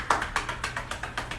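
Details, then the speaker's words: Chest physiotherapy demonstrated at home: rapid, regular hollow taps of cupped hands up and down another person's back, about ten in under two seconds. Chest percussion to break up, mobilize and drain mucus from the lungs. "all right again that is pretty much called chest physiotherapy basically it breaks up mucus in your lungs it mobilizes and drains the lungs"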